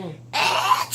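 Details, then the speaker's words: Brief voiced intake followed by a single loud, explosive sneeze, re-enacted by an adult woman: sneeze. "제 재채기 소리 들어보셨죠? 네. 엄청 크지?"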